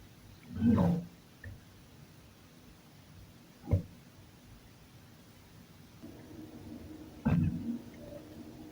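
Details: Person in a bath: three loud, low gurgling rumbles from the belly as gas and fluid move, alongside a fart; stomach growling (borborygmi).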